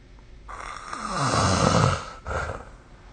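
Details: Snoring during sleep recorded with the SnoreLab app: one loud, rattling snore on the in-breath, followed by a shorter, softer breath out.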